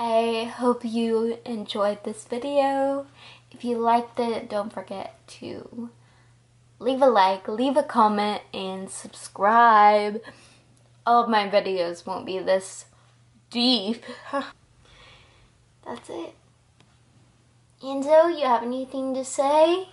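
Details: 20-year-old woman diagnosed at 19 with Friedreich's ataxia, a progressive neurological disorder affecting her balance, coordination, speech, heart and muscles; ataxic dysarthria (Friedreich's ataxia).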